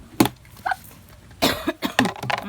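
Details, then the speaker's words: Several short, sharp cough bursts from an adult, outdoors while feeding chickens, with background noise; an ordinary cough. "ako po ay inuubo pa."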